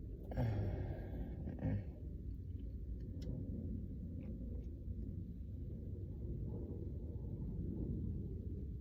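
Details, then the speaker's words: Two low, rumbling belches then quiet stomach rumble and faint breathing, after chugging a soda on an empty stomach with no food all day, bloated, with hunger gurgles; burping (eructation). "uh, uh, uh, Oh, fuck. This one's stuck. Kind of. There we go. Yeah, that's out of there too, right? My stomach still feels so fucked up."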